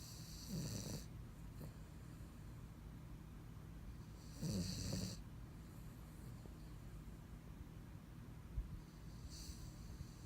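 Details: Sleeping and dreaming, snoring: soft, rumbling snores about every four seconds with a faint whistle over steady room hum.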